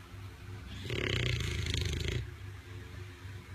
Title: Buddy the English bull Dog. Snores louder than anyone I know